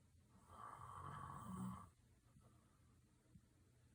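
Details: Snoring: a single soft, rough snoring breath lasting about a second and a half, then quiet breathing in a small room.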